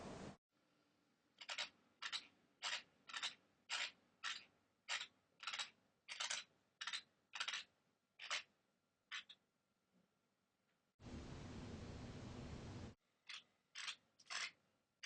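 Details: Rapid, gritty scraping and clicking bursts repeating over and over while an adult sleeps, recorded on a MacBook; loud sleep bruxism (teeth grinding) friends complained about.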